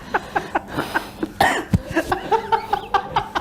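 A run of short, sharp cough bursts from an adult, with faint tonal background sounds.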